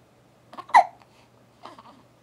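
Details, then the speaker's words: Baby girl aged five weeks and four days, with hiccups while awake, babbling and moving her arms: a single brief, abrupt voiced catch in her breathing; hiccup. "you going to talk to us huh hiccup hiccup there we go"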